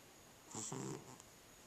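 One soft, rasping breath sound from a sleeping cat, under a second long, against faint room hiss. A cat's snore.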